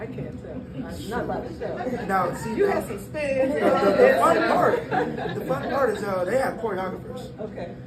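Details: Adult speakers in a room; normal speech.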